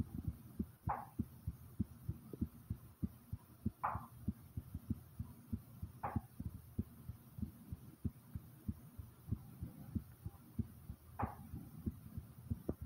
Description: my heartbeat starting slow then rises like comment subscribe and enjoy #heartbeat #asmr #subscribe